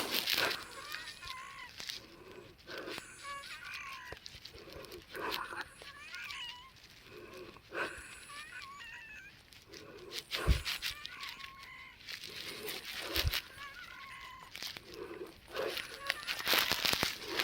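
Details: Woman wheezing around 2 AM, about 3 hours after a nebulized breathing treatment with arformoterol and Pulmicort 0.5 mg at 11 PM; noisy breathing with high, whistling, musical squeaks through each breath: wheezing.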